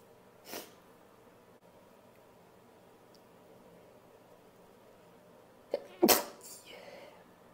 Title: 2 or 3 sneezes and some noseblows